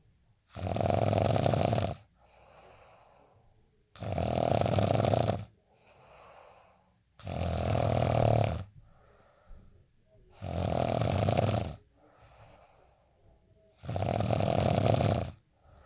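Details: Asleep: loud rattling snores on each inward breath, about 15 breaths a minute, with quieter outward breaths between; snoring.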